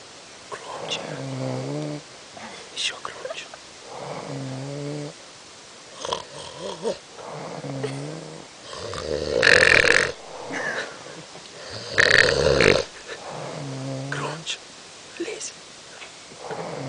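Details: A sleeping young woman snores loudly: droning snores recur about every three seconds, with brief noisy bursts between them.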